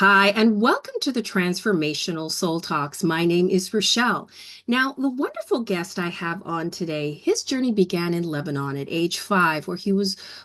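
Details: Adult woman speaking; normal speech.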